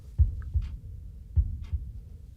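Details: Simulated ASMR role-play stethoscope heart exam while the patient holds their breath after slow, quiet breathing: soft, low lub-dub heart sounds, two beats at about 50 a minute, quiet room.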